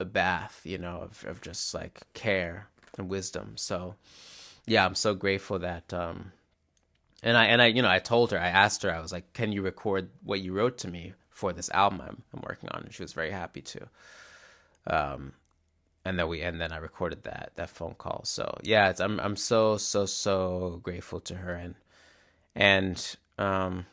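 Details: Real stuttering in a male musician who describes his stutter as glottal blocks that are often silent rather than repeated syllables; finding: stuttering.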